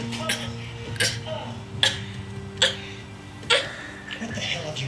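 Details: A girl lying on the floor deliberately fake coughing: about five short, dry coughs over loud television talk and music.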